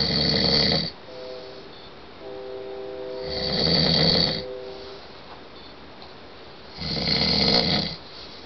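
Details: Sleeping adult man gives loud, rough snoring in three regular bursts, about 17 breaths a minute, with faint music between.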